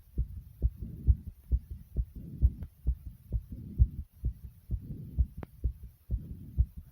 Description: my heart was racing after doing 65 Jumping Jacks .